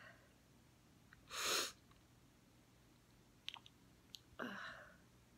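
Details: Girl in glasses sneezing without covering her face in a quiet room: a sharp, forceful burst, then a second voiced sneeze.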